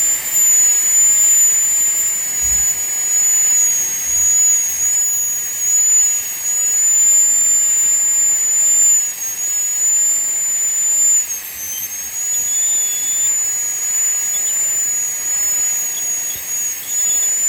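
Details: Dental high-speed handpiece reducing tooth #46 on a phantom for a full metal crown preparation, cutting down to the margin 0.5 mm above the gingiva to break contact; steady high-pitched whine with slight pitch dips under load.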